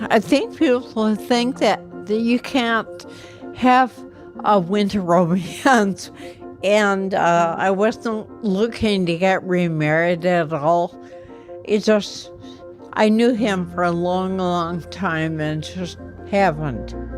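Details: Older woman with ataxia affecting her motor skills and voice; ataxic dysarthria.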